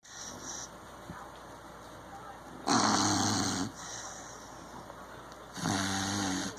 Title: Snoring beagle